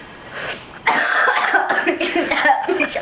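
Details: A female with icing on her face coughing.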